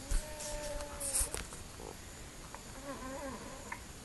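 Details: Child with stridor: high-pitched, musical, buzzing breath noises suggesting a narrowed upper airway.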